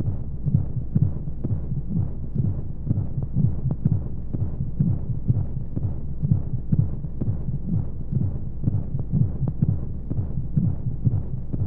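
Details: Womb-sound sleep aid for babies: steady muffled low thumping, about 125 beats a minute, under a whooshing hum of flowing white noise, a heartbeat heard as from inside the womb.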